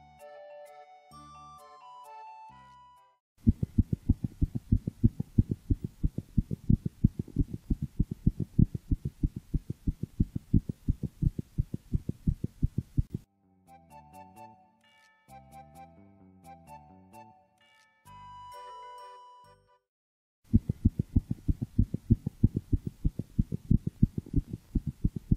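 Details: Calico cat's rapid, regular heartbeat through a toy stethoscope, about 185 to 190 beats a minute: normal heart sounds, with heart rate noted to change with the cat's state of mind.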